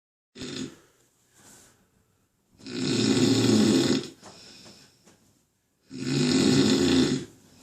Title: Dude snores like a truck